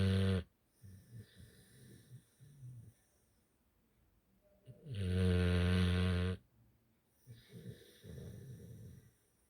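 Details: Pitbull dog snoring heavily while sleeping: loud, rumbling snores on the in-breath with quieter breathing noises between snores.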